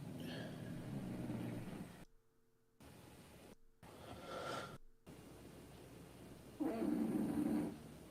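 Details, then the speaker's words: A young, playful dog asleep snores mostly through the nose: low, rough rumbling breaths with brief silent gaps and a loud drawn-out snore near the end. "hear the snoring do you hear it malicious or bad do you hear it"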